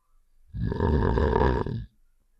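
A single deep, rough, rumbling snore-like sound effect lasting about a second, from a game.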